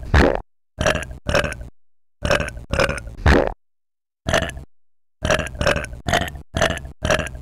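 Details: Eleven short, loud belches in quick bursts separated by brief silences, from an experimental burp music track; burping.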